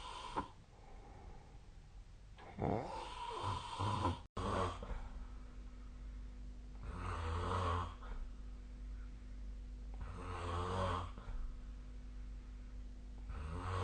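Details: Snoring during sleep: low rumbling snores with each breath and a steady room hum behind them.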